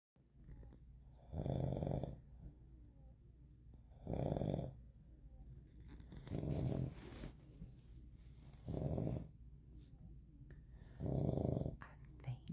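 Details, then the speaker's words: Husband snoring in bed, snoring reportedly easing a little: five snores in about twelve seconds, each a steady, low rumble on the in-breath, in a quiet room. "His snoring went down a little bit, but good God almighty."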